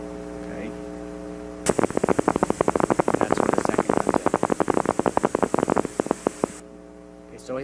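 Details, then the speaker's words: Rapid, regular crackling pops from one motor unit reaching about 11–12 Hz with no second unit joining; mildly reduced recruitment on needle EMG. "that example in my opinion is the most difficult thing to recognize that's mildly reduced recruitment in most muscles"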